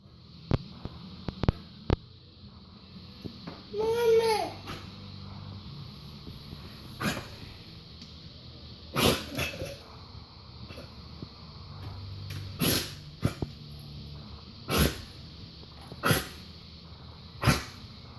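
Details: Large dog with suspected heart disease (fluid buildup), repeated short harsh hacking coughs; cough changed over months, starting like ordinary kennel cough: cardiac cough.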